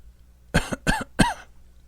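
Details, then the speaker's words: Adult imitating whooping cough: three quick, harsh cough bursts in a quiet room, added to an old folk rhyme about a jay bird who died of the whooping cough. "there was a jay bird I died of the hoop and cough his head swelled up and his tail flew off that was the end of the whooping cough"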